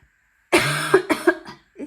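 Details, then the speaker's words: Adult woman with an illness that started last week and a scratchy throat gives a harsh, sustained cough burst, then two shorter coughs: cough. "semaine dernière j'avais un début de quelque chose là c'est bien installé hein euh je tousse j'ai la gorge qui gratte"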